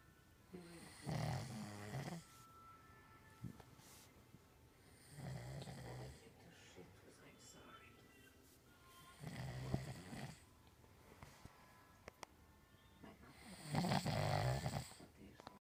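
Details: Four loud rattling snores about every four seconds, roughly 15 a minute, with quiet breathing between them; snoring.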